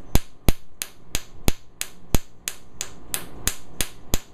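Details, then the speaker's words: Pulses from a Q-switched YAG tattoo-removal laser on a small purple ankle tattoo of a female patient numbed with 1% lidocaine, as the handpiece traces the tattoo: loud, sharp popping snaps about three per second, like small firecrackers. "and this is the handpiece emits this little yellow light so we actually trace the tattoo and now that we have the area numb she shouldn't feel it makes a slight popping noise almost like you're throwing a firecracker on the ground"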